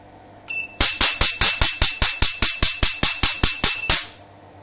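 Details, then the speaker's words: Q-switched Nd:YAG tattoo-removal laser demonstrated on paper, removing blue ink from a DVD cover, frequency turned up: a tone, then a rapid run of about 15 snapping pops at roughly 150 a minute. "now i've got the head against the paper and i'll demonstrate it right now and you can see what it does let's do another quick line"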